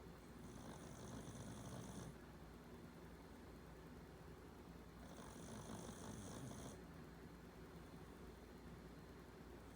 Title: Sleepy Dog - Miley 😴 shhh - Softly Snoring - dog sounds #Miley #mileylovesherchair